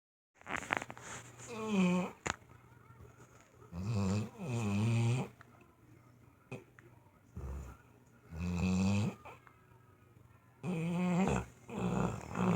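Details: Dog snoring in sleep: repeated rough, fluttering snores with snorting breaths, about four breaths in twelve seconds.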